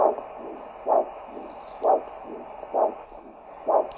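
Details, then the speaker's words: Normal biphasic arterial Doppler signal at the ankle (posterior tibial/pedal) during ankle-brachial index measurement with Doppler and blood pressure cuff; regular whooshing pulses about 65/min, strong surge then softer second sound. "I'll actually demonstrate that this is the arterial signal you can hear that"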